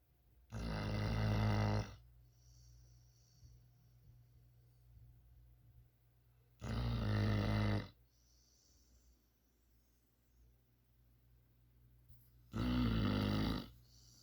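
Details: A non-human pet snoring in sleep: three loud, deep, rumbling snores about six seconds apart, roughly ten breaths a minute, with quiet pauses between.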